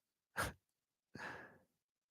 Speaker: I know dad fell asleep. He's snoring over there. You can hear him.